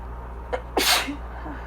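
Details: A single forceful sneeze with a short indrawn breath before it, during an allergic sneezing fit while reading aloud; reader is allergic to birch and hazel pollen.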